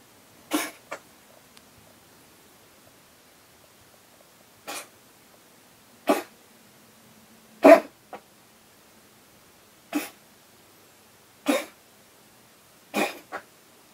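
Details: A cough, about seven short, sharp coughs, some followed by a quick second cough, spaced through a quiet room, with a cat approaching in concern.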